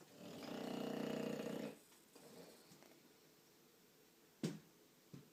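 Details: Sleeping bulldog: a long, loud rattling snore, then quiet breathing with a couple of short snorts. Snoring.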